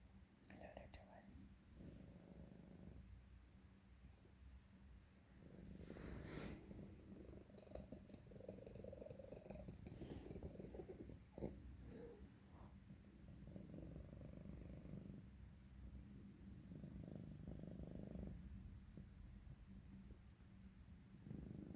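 A cat's steady purr interrupted by harsh noisy bursts and whistling, wheezy sounds, pointing to airway or throat irritation.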